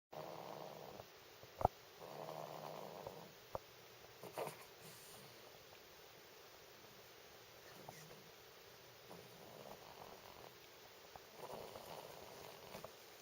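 Soft, low rumbling snores recur every few seconds over quiet room noise, with a few faint clicks in between. Snoring.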